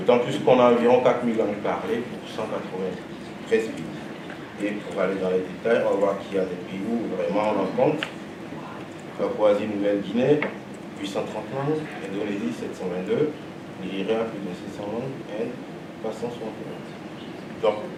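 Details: Adult man; ordinary speech.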